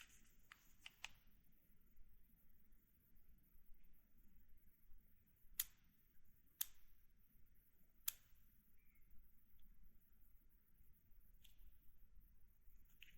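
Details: Insulin injection with a Novorapid Flex Pen in a quiet room: sharp mechanical clicks as the pen is dialed to set the units and clicks during the injection of insulin.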